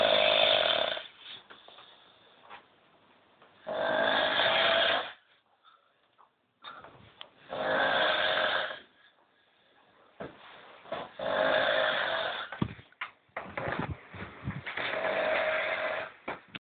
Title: Snoring Swede